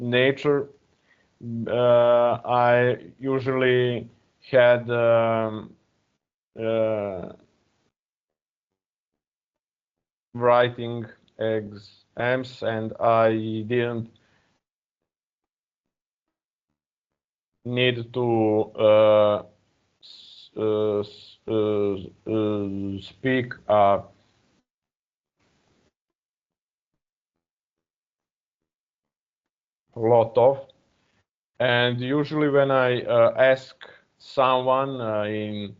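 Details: Adult man who stutters, speaking English as a second language, uses a speech technique of focusing on the first or second vowel of a word; heard with hesitations and repeated fillers; stuttering.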